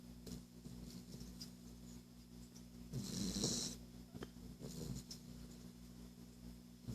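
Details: Snoring from a Boston Terrier: low rumbling breaths and a louder snorting burst midway.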